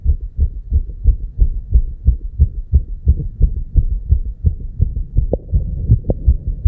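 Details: Very fast, regular low heart thumps, about 175 per minute though labeled 290 BPM: rapid heartbeat (tachycardia), real heart sound.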